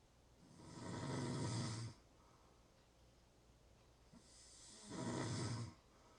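Two rough, fluttering snores on breathing in, about four seconds apart, with quiet breathing between. Ordinary snoring.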